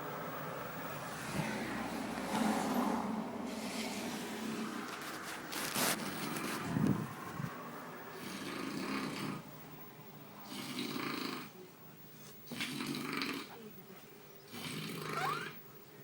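Repeated rough, rattling breaths at a steady rhythm with some room noise: snoring.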